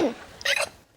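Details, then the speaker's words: Deliberately faked hiccup by an adult woman on request: a single short, sharp high-pitched yelp likened to a Chihuahua from a distance, with faint room noise; imitated hiccup. "life goodness does I don't know did that help that sounded like Chihuahua from a distance"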